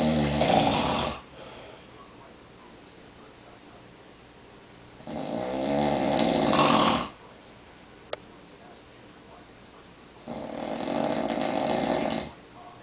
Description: My dad snores every night. My mom recorded him on a recliner chair.